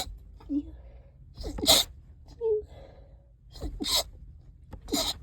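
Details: Congested person, stuffed up all day, sneezing in a closet: three sharp, hissing sneezes after quick in-breaths, plus a short stifled sneeze and soft voiced sounds; possible thuds.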